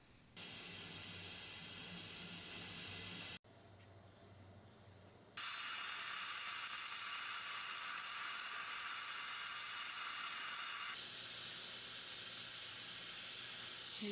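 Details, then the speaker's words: Dental handpiece with water spray drilling into the sclerotic canal of a necrotic, snapped-off left central incisor root to find the orifice before extraction and immediate implant; steady high-pitched hiss in bursts, faint room hum. "I'm just drilling into that sclerotic canal, trying to find the canal orifice."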